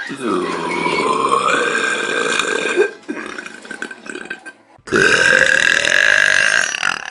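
Two long, loud, voiced burps separated by a brief pause, with a steady pitch that holds through each one. Ordinary belching.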